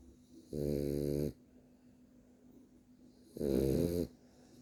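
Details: A sleeping French bulldog snoring, with two loud rattling snores about three seconds apart and quiet breathing between them; he keeps snoring after being told.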